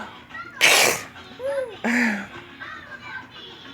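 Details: An adult's sneeze: one loud, explosive sneeze, followed by a baby boy's laughing squeals and coos.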